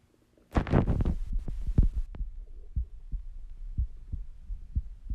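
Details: Stethoscope recording at rest: gurgling stomach noises, then a steady resting heartbeat of about 60 beats a minute; bowel sounds with resting heartbeat.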